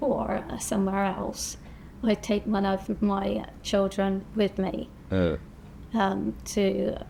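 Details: Woman with aphasia after a stroke; she reports speaking more slowly and struggling to find words; finding: aphasia after stroke.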